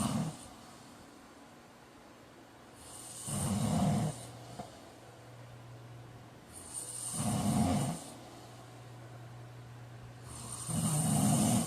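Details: Snoring during sleep: three regular rattling snores on the in-breaths, about 16 breaths a minute, with quiet pauses between.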